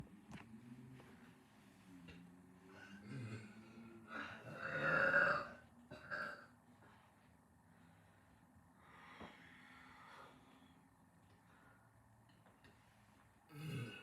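Several low, rumbling throat sounds, one louder in the middle, over quiet room noise; belching after a meal.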